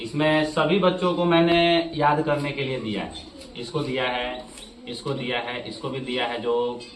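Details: Adult man speaking Hindi; ordinary fluent speech.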